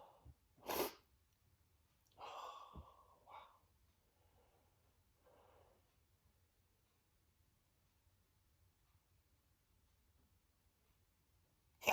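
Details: Male adult sneezing on himself: huge, desperate sneezes that felt very good to him. Sharp, explosive burst, then a breathy exhale and a few soft breaths in a quiet room.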